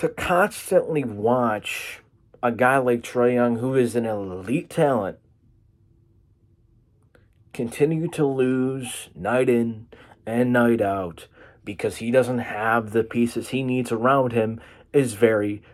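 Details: Stuttering (disfluent speech) in a man, which he attributes to his cerebral palsy.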